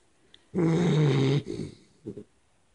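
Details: Three-month-old Pitbull puppy asleep on the owner's lap: a loud, deep, rumbling inhaled snore, then shorter fluttering snorts; heavy snoring.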